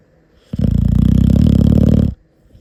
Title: Shhhh!#Sleeping #snoring #puppy #puppylove